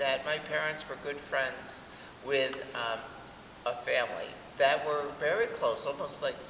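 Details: Adult man; normal voice.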